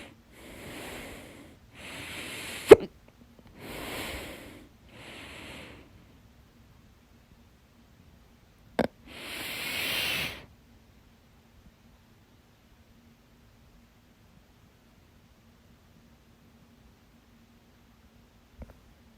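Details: Two sharp, loud hiccups stand out among several breathy noise bursts, then quiet. The uploader self-recorded this session of loud hiccups, their second, on 25 July 2022.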